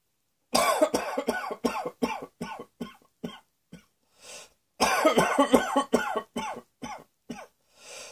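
Two fits of rapid, repeated coughing, about 17 coughs in all, each run ending with an audible breath in before the next.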